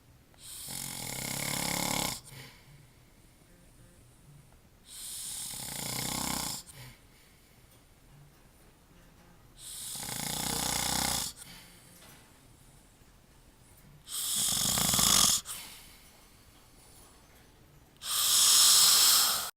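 Loud, harsh snores with each breath, about 15 a minute, separated by quiet pauses: snoring.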